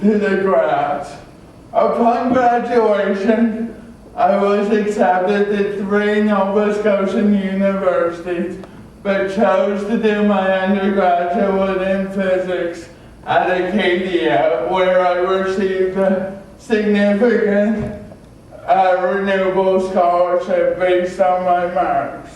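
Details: Adult male with cerebral palsy who had extensive speech and occupational therapy; dysarthria in cerebral palsy.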